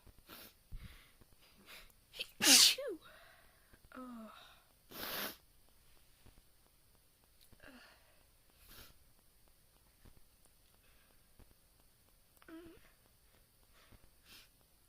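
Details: One loud sneeze and a second softer one, with quiet breaths and small exhalations between; deliberately induced sneezing.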